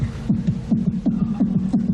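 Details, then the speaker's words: Fast, regular paired thumps, about 140 a minute, played on a television game show as the heartbeat of a man making love: a rapid heartbeat. "and uh now listen to this now here's a here's a guy making love listen to this heartbeat"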